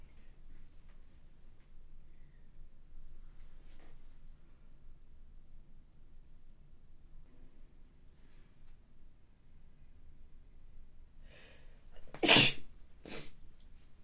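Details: Recorded sneeze of a model in a quiet room: one sharp, explosive sneeze burst with a softer follow-up breath, an ordinary single sneeze.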